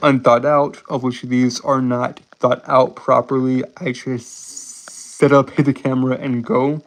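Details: Male with a self-described speech impediment he says he cannot help; sound prolongation heard. Finding: stuttering (sound prolongation).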